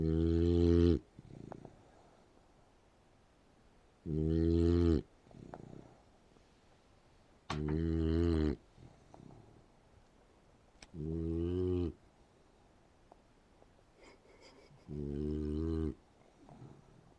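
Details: Boxer puppy asleep and snoring: loud, buzzing snores about every three and a half seconds, five in all, with quiet breathing between; puppy snoring.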